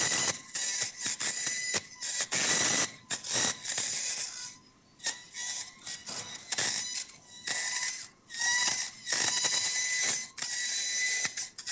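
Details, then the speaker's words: High-speed surgical drill in a minimally invasive TLIF spine operation: repeated bursts of harsh, high-pitched grinding with a whining tone and short pauses as it makes a transverse cut through the pars after a laminotomy, to disarticulate the facet. "okay once you drill through the parts this will disarticulate then for your facet and i'm almost there one or two areas"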